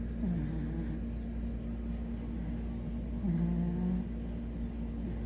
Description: Our beloved furbaby fell asleep during his belly rub and began snoring 😴 #everyone #funnydogs #dogs #dog #funnydogs